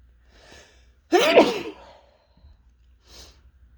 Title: Desperate Sneezing